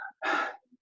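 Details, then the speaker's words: A single sharp, forceful inhaled gasp imitating being short of breath, not enough air, in an English symptoms-vocabulary lesson; gasping for air (imitated shortness of breath). "when you're short of breath you don't have you know air you want to breathe in there's not enough air so you go"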